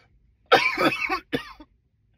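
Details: Two loud, harsh coughs in quick succession, the first one longer; a plain forceful cough.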